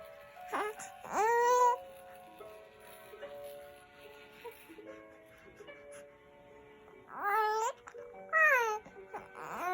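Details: 3-month-old baby girl who often gets hiccups but stays undisturbed; short rising cries and fussing vocal sounds over soft background music: infant crying.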